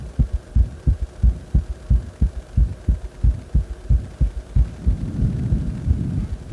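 Strong, regular heartbeat thumps at about 90 a minute, a quickened rate after deep squats, with a steady low hum.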